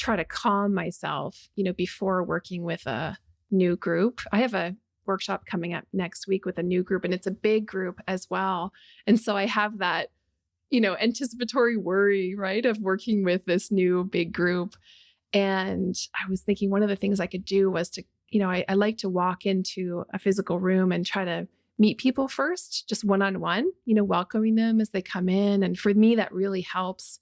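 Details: Adult woman speaking; normal fluent speech.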